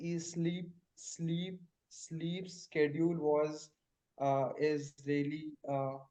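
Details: Participant in a stammering practice group practising pull-out and cancellation techniques; word repetitions audible; stuttering.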